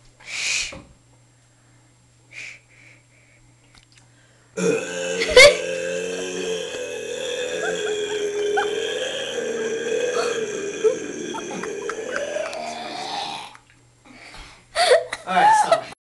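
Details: Single long, sustained voiced belch lasting about nine seconds, with short noises before and after; a burp-contest entry.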